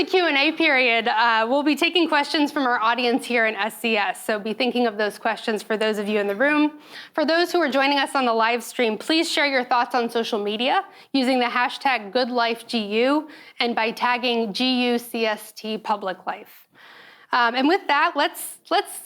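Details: Adult woman speaking; normal voice.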